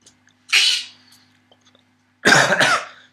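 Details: Voluntary coughs by two people at 2 a.m.: two separate bursts, the first light and airy, the second louder and double-pulsed, in a quiet room.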